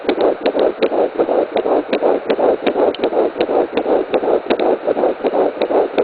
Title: Fetal heartbeat 10 weeks 5 days